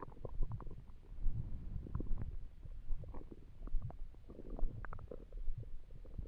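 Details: Stomach noises while trying to sleep on an empty stomach: continuous low rumbling with bubbling gurgles rising and falling over several seconds; borborygmi.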